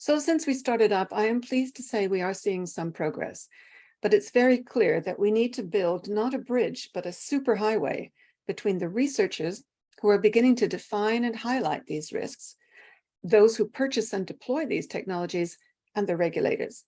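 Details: Adult woman speaking; Normal speech.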